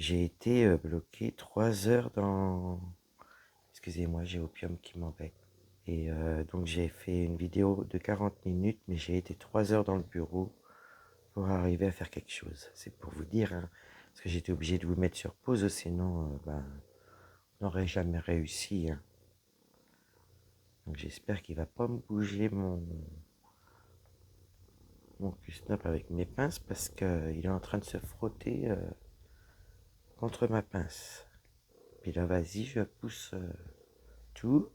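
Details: Woman whose vocal cords were damaged by a serious health problem; voice deeper than before, at times little voice, unable to speak loudly; low-pitched, weak voice; dysphonia from vocal fold damage.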